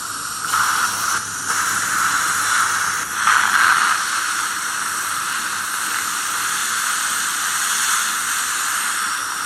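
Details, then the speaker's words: Steady hissing spray for about nine seconds: a dental air-water syringe rinsing etchant, left for 60 seconds, off the palatal tooth surfaces before bonding a fixed retainer. "Right, let's wash this off now."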